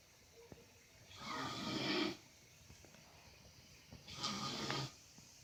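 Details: Loud, harsh, rattling snoring breaths a few seconds apart with quiet pauses, from a sleeping man in a quiet room.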